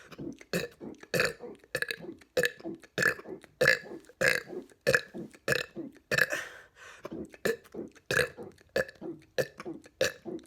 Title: 200 Burps